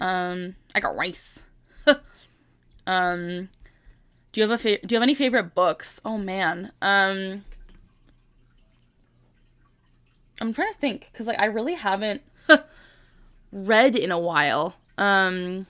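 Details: Vocal tic in a 25-year-old woman with Tourette syndrome since early childhood, diagnosed at 12; a repeated tic phrase interrupts her ordinary speech.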